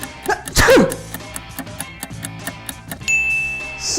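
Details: A single short imitated sneeze, a quick burst with a falling voiced tail over light background music, demonstrated in an English-vocabulary lesson on body noises: sneeze.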